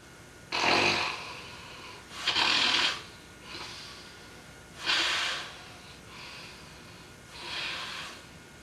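Repeated airy, snorting snores, stronger and weaker in turn, six in under nine seconds, against a quiet room. Snoring.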